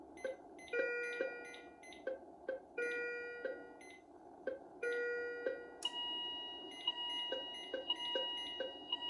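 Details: Philips IntelliVue MP30 patient monitor alarms (ISO and traditional) on a simulated ECG rhythm; ZOLL E Series defibrillator sounds join in after manual sync and charge: repeating bright tonal beeps shifting to steadier, higher layered tones.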